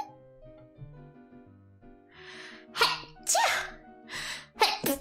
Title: Sneeze Is Adoorable 【ENG Sub/Hololive】